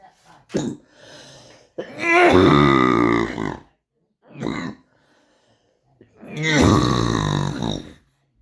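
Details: Adult born in 1962 with oesophageal atresia/tracheoesophageal fistula, after four weeks and two hospital visits with this cough: short harsh coughs then long, loud, honking brassy voiced coughs.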